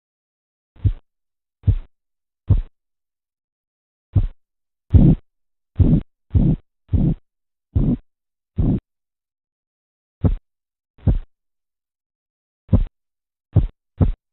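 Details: Korotkoff sounds heard during blood pressure measurement.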